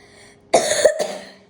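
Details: Child with a lingering residual cough gives two quick coughs, the second shorter, after a forceful breathing exercise of inhaling through the nose and blowing hard into a tube.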